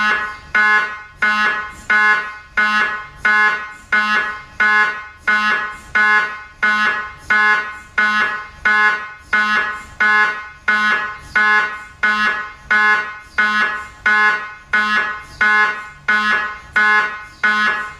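Loud, very regular tonal buzzing bursts, about 44 a minute, with a hard electronic edge: an MRI scanner running an imaging sequence.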